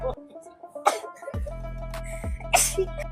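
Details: Two sharp, explosive sneezes over loud background music, set off by sniffing a sneezing powder in a street challenge; sneezing.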